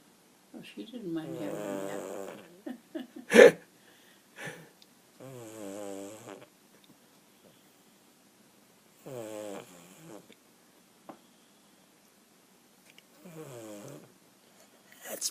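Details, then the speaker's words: Four loud, rattling snores from a sleeping dog, each a drawn-out vibrating breath, separated by quiet pauses; snoring. "Snoring away. He's so cute."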